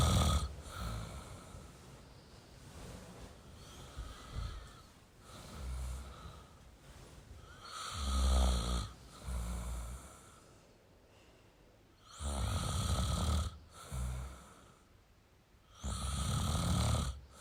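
Slow, deep, rumbling snores that come and go with the breathing, with hissing breath noise between them. Some room noise is heard.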